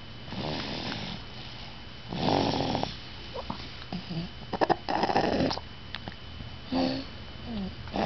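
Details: Sleeping dog snoring: irregular snorting, rattling snores with short nasal snuffles between them.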